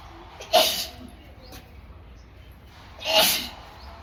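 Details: Female sneezing challenge using powder to provoke sneezes: two sharp, hissing sneezes about two and a half seconds apart with quiet breathing between.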